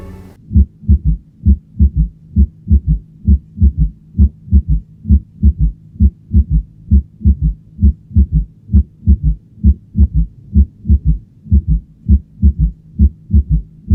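Regular low heart sounds at about 66 a minute, each beat preceded by a soft extra thud just before the first sound: a fourth heart sound (S4) gallop.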